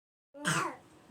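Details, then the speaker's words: A single harsh, loose, rattly cough from a child with phlegm settled in the chest. Medicine is not working, antibiotic syrup has not helped, and the doctor advised a nebulizer. Wet cough. "দুইজনেরই কফ বসে গেছে। ওষুধ খাওয়াচ্ছি কিন্তু ওষুধে কাজ হচ্ছে না।"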